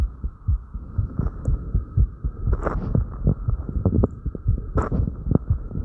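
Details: Heartbeat recorded after light crunches: fast, fairly regular low thumps near 120 per minute over a steady hum, with breath and movement noise; quickened heartbeat after light exercise.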